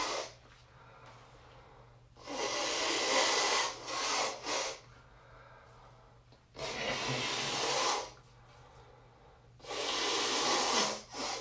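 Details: Nose blowing on waking while very congested: three long, wet, hissing nose blows into a tissue, kept soft, with a honk toward the end to clear it, quiet breathing between; no clear sneeze stands out.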